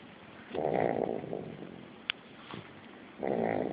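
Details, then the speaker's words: Boy snoring, said to snore like his father: two loud rasping snores with quiet breathing and a faint click between; snoring. "that boy snores just like his daddy aren't you so proud"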